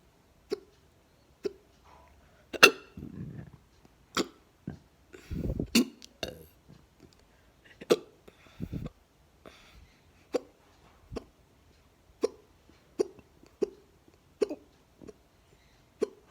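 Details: Hiccups recorded close up at the neck: about 17 sharp, abrupt gulping clicks, repeating every second or so, in a quiet room.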